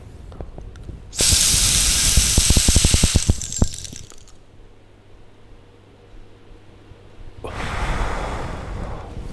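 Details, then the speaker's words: Demonstration of dry powder inhaler technique: a fast, deep inhalation with rattling clicks, breath held two to five seconds, then exhalation; the fast, deep breath differs from the slow, deep breath used with a metered-dose inhaler. "take a deep breath fast and deep hold the breath for at least two to five seconds and exhale"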